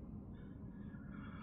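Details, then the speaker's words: Hungry adult's stomach: a low, steady rumbling gurgle, ordinary hunger growling; stomach growling (borborygmi). "oh okay that noise you heard was legitimately my stomach so I'm just going to reheat some pasta I'll be back with you all in a second"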